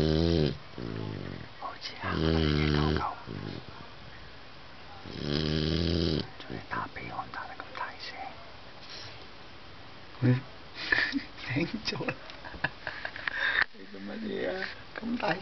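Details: Snoring: loud rattling snore bursts on the in-breaths, with quieter snuffling and soft breath noises between them.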